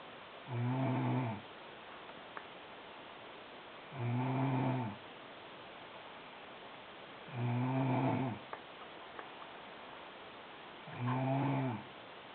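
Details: Sister snoring very loudly in sleep: regular rumbling snores on each breath in, about 17 a minute, with quiet pauses between.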